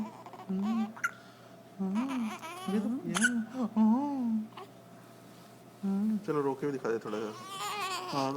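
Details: Baby with hiccups: brief, sharp hiccup clicks about every couple of seconds between babbling and giggles, adult voice nearby; hiccups.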